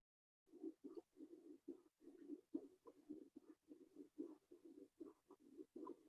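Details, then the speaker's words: Normal cardiac Doppler ultrasound on a volunteer at a simulation center: rhythmic whooshing pulses of blood flow. The heart was judged okay. "that's pretty much uh heart beat and based on the uh characteristics of the sound the images that show up here we can try to figure out if there's anything going on if everything is okay with the heart or not and for now everything is okay"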